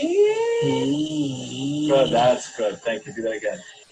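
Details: Bilateral superior laryngeal nerve paralysis from thyroid surgery; vocal folds cannot be stretched, giving reduced pitch range and inability to slide up from a low to a high note.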